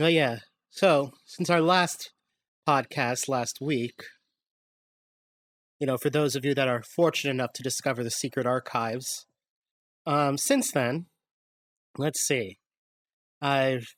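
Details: Adult male speaker; normal speech.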